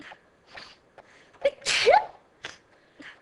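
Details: Staged sneezing clip of a young woman sneezing for fun: one sharp, explosive sneeze amid soft breathing and small noises in a quiet room; sneezing.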